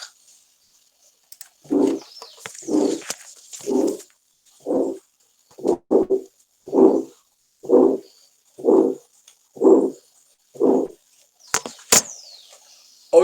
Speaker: este sería otro ejemplo del soplo áspero de estenosis aórtica